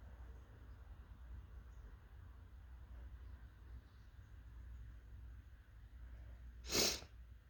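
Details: Quiet room with low hum, then a single sudden, forceful sneeze.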